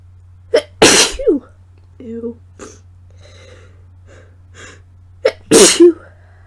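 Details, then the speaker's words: Person with a cold (sore throat, no congestion) inducing sneezes for a tickly nose: two sharp explosive sneezes, each preceded by a quick inhaled catch, with faint sniffs between; sneezing. "so about a month ago I was on here and I was sick and it turns out I'm sick again and my nose is really tickly but I can't sneeze so I'm going to go ahead and induce some so here I go damn"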